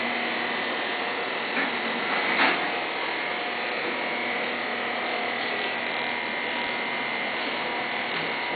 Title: LASER-LASER LIPOSUCTION-LIPO SMART LASER